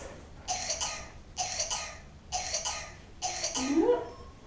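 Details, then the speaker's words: Simulated paramedic scenario: actor playing a 4-year-old girl with suspected whooping cough gives a run of four cough bursts ending in a rising, whoop-like indrawn breath; long, prolonged paroxysmal coughing. "um no but when starts popping long prolonged coughing so do i have yeah looking cough that's the sound of it"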